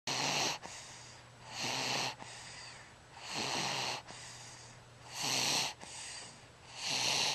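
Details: Sleeping baby snoring loudly like her mother, repeated hissing, rasping breaths about every 1.7 seconds, roughly 36 a minute; noisy snoring-type breathing.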